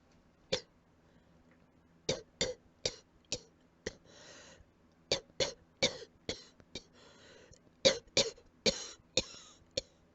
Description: Coughing from allergies some more I guess :)